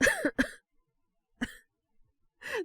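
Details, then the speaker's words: Acted cough by a voice performer in a Japanese situational voice drama, character with a runny nose: a few short voiced coughs with pauses between them. "ちょっと変な息の吸い方したかも。風邪とかじゃないから大丈夫だよ。"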